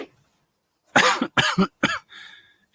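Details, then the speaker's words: Cough from an adult whose voice is rough and who says he caught laryngitis and could barely speak on Friday morning, recorded during a livestream at a koi farm; a cough. "me as you can tell guys i sound a little bit ropey i managed to catch laryngitis"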